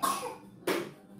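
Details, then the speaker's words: Child in the background of a small room gives two short cough bursts. "Sentite che tosse che ha."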